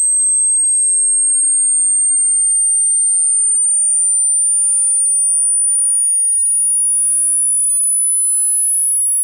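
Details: Hearing test: steady, very high, thin whistling tone rising slowly in pitch, a frequency sweep played through headphones with on-screen frequency display; typical audible range about 20–30 Hz to 10–16 kHz depending on age.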